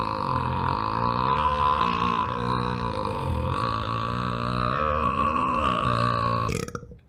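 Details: Cartoon Mario character demonstrating a burp in a burping-contest reaction clip: one long, loud, rumbling burp of about six and a half seconds, with a wavering pitch, ending abruptly.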